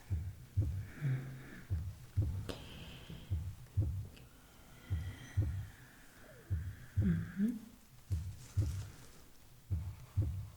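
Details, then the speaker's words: Simulated heartbeat in an ASMR bedside-care role-play, checked alongside the pulse while a thermometer is under the tongue: regular low paired thumps at about 55 beats a minute with soft whispering, described as a steady rhythm. "Okay, steady rhythm. That's really good."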